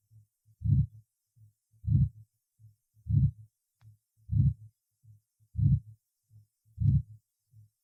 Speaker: прослушайте запись сделанную во второй точке аускультации у пациентов со стенозом отверстия аортального клапана